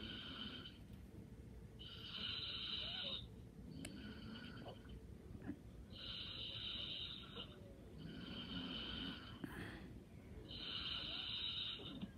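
Soft, fluttering, high-pitched snores with each breath, roughly one every two seconds, in a quiet room; light snoring.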